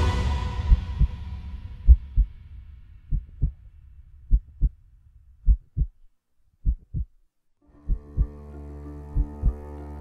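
Paired low thumps repeating at about 50 a minute under a soft musical drone; a heartbeat sound effect.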